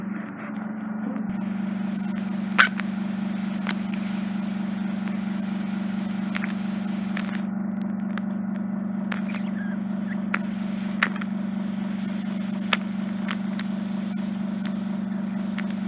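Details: Endoscopic microsuction clearing severe ear wax impaction from a woman's left ear: continuous low suction drone with faint clicks and crackles as wax is drawn in; straightforward removal, potential attic cholesteatoma noted afterward.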